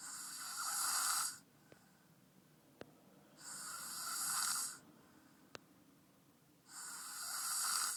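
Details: Snoring from a very tired male sleeping deeply: three breathy, hissing snores at a steady pace of about 18 per minute, with quiet pauses between.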